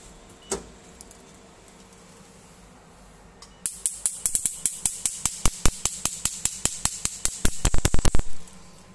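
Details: Portable picosecond laser machine: quiet room, then a run of sharp, rapid snapping clicks at about two per second, speeding up near the end as it fires pulses.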